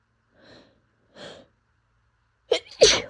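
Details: Adult with seasonal pollen allergy, sneezing fits daily for a month despite medication: two soft wind-up breaths, then two sharp explosive sneezes in quick succession; allergic sneezing fit.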